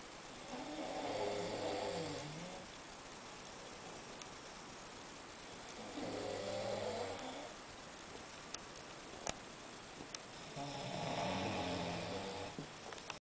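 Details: A roommate snoring at night: three long, low rattling snores, one per breath, about every five seconds, roughly twelve breaths a minute, in a quiet room.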